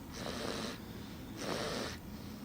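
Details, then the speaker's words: Young child snoring loudly while asleep in a basement, suspected by family to be her: two rough, noisy breaths a little over a second apart, each with a snorting rattle, in a quiet room; snoring. "i'm awake yeah cause daddy's awake and normally daddy snores but what i mean but this is pretty loud"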